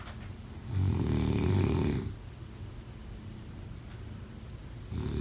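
One long, rattling, low-pitched snore on the in-breath, then a quiet pause and the start of the next. Snoring.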